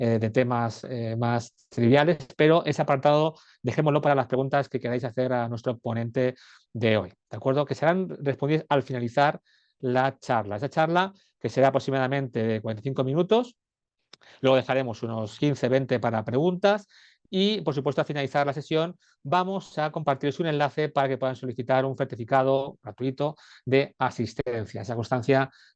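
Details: Adult male speaker; normal speech.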